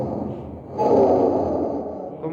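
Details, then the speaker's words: Harsh, hollow rushing airflow heard on auscultation over the trachea of a patient in a pathological lung sounds teaching recording, with a louder inspiratory phase; tracheal breath sound. "es ese sonido de la tráquea como bueno podemos pero además hay una inspiración sí"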